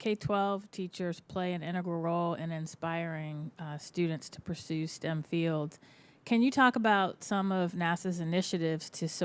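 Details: Adult woman speaking; Normal voice.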